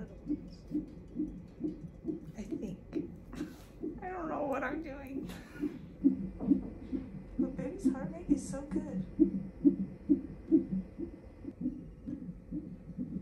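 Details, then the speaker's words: Late-pregnancy mother in hospital for suspected labour with mild contractions (false alarm), fetal heartbeat on Doppler: rapid, regular whooshing pulses about 133 beats a minute. "all right you can hear your baby's heartbeat"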